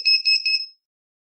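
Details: Quick run of high, shrill electronic beeps under a second, then silence, from a B. Braun Compact syringe pump in a NICU. Syringe pump alert tone.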